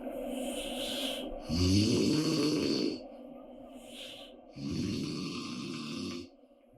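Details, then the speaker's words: Mother asleep in an apartment, with loud, rough snores on slow breaths in, each over a second long, and quieter breathing between them; heavy snoring. "우리의 소리를 찾아서 이 소리는 경기도 김포 아파트에서 나는 스포츠카 자연의 콧소리입니다."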